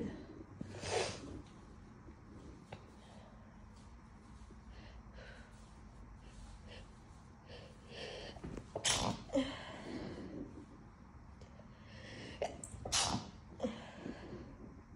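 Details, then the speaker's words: Induced sneezing fit in an adult still getting over a cold, congested and slightly losing voice: burst of wet, congested sneezes with sniffs and gasps between, faint room noise with kitten in background. "And usually it leads to like an intense fit. So let's see if I can coax one out."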